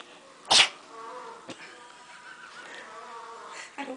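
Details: Shih tzu dog told to sneeze on command: a single sharp, hissing burst of breath, then quiet room noise and a faint snuffle; a sneeze.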